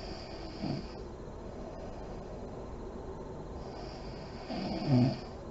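Two soft, low snoring breaths about four seconds apart over quiet room noise, with slight lip flutter; mild snoring in sleep.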